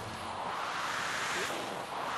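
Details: Home mechanical ventilator of a man with ALS, ventilated via tracheostomy for 20 years: a steady, rushing airflow hiss that swells slightly midway, like wind or surf; mechanical ventilator sound.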